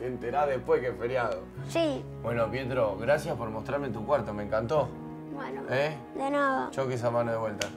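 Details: Child and adult speakers; plain speech.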